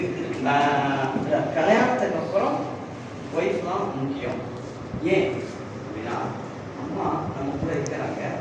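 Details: Stuttering in a participant at a stammering training workshop giving a short debate speech in Tamil.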